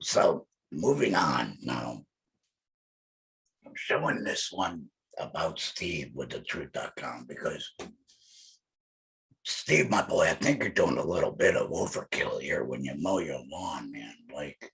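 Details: Male laryngectomee speaking with an electrolarynx held to his neck, his only form of communication; electrolarynx speech.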